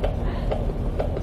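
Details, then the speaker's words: Normal fetal heartbeat, normal rhythm, heard on Doppler aboard a rescue boat: rapid, regular pulses over low engine rumble. "who at the same time could hear the baby's heartbeat for the very first time sounds very healthy and"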